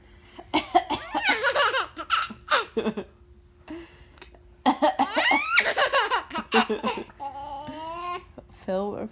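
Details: An infant gives short, playful coughs mixed with giggling and high-voiced laughter during playtime in a small room.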